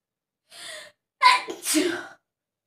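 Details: Self-induced sneeze in a sneezing-challenge clip: a breathy inward gasp, then one explosive sneeze with a voiced 'choo' ending; a single deliberately triggered sneeze.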